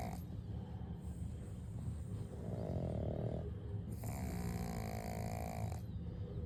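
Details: Pug snoring during a calm moment: low, rumbling, snorting breath noises with a higher whistling tone on some breaths, over steady room noise.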